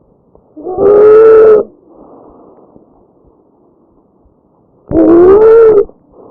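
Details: Tracheal stridor.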